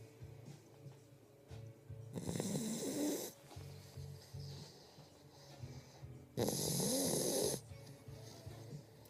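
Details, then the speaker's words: A female shelter puppy just over 2 months old, thought to be a German Shepherd and Rottweiler mix, snores while asleep in someone's arms: two long, loud, rasping snores with quieter snuffling breaths between, and faint background music. "Oh, finally. Someone's snoring."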